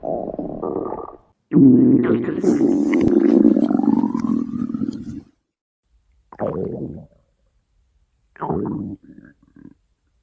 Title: Stomach Growling in the mic (Weatheradio Canada CRS-ified) @JewlyanaHoltFunDay